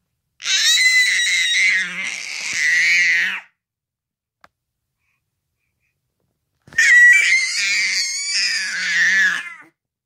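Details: A child crying: two loud, long, high-pitched wails separated by a few seconds of silence.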